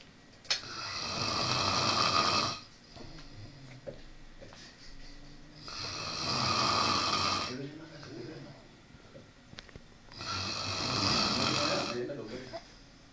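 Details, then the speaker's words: Loud, rough snoring about every four seconds, near 15 a minute, with softer breathing between and faint room noise; the sleeper is called Pajita. "Escuchen los ronquidos de pajita."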